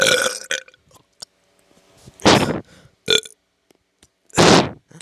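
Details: Several loud, rough burps separated by quieter pauses; repeated belching.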